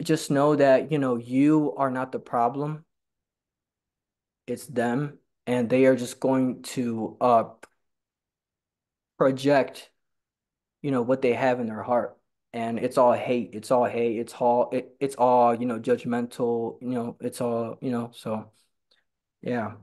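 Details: Stuttering in a man who stutters and attends stuttering support group meetings.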